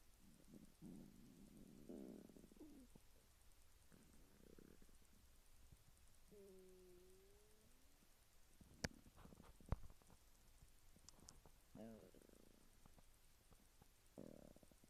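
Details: Loud gurgling and rumbling bowel sounds (borborygmi) with a few squeaky tonal gurgles, recorded with the device held directly on the belly of a young Japanese woman shortly after eating instant ramen in the morning.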